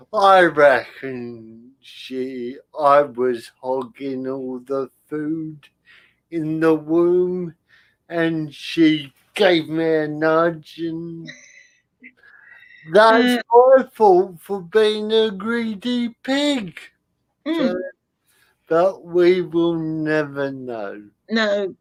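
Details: Adult man with spastic cerebral palsy caused by lack of oxygen at birth, affecting limb control and speech; dysarthria in spastic cerebral palsy.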